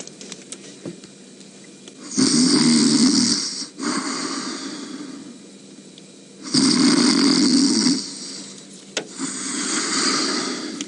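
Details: Loud, rough, rumbling snoring breaths on a live safari broadcast, jokingly from either a lion or the presenter, about 14 a minute with quieter exhales; snoring.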